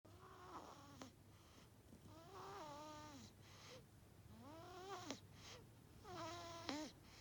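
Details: Soft squeaky, whistling and snuffly noises with each breath of a sleeping, deeply asleep 1-month-old baby; infant snoring.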